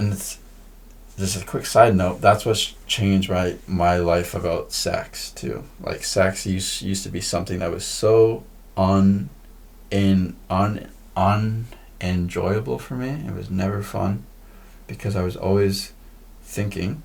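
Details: Man who says he stutters: stuttering.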